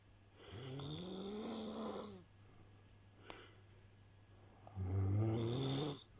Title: snoring bogoos